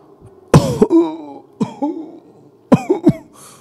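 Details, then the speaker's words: An adult storyteller imitates severe coughing heard from inside an airplane toilet in a horror story. Several harsh, retching coughs with throat clearing, described as nauseating: imitated cough. "So saya dah sampai ke satu row yang di mana dekat gila dengan toilet pada waktu tu. So saya dengar ada bunyi orang batuk kat dalam tu."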